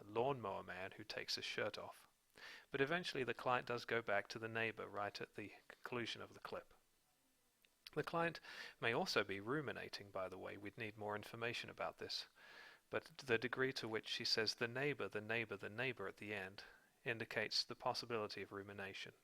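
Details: Adult male narrator; Normal adult speech.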